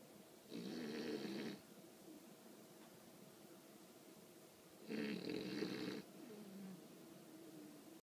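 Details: 20-week-old female English bulldog sleeping, with loud snoring that started a few days ago: two loud, rattly snores about four seconds apart with quieter breathing between; snoring in a flat-faced dog.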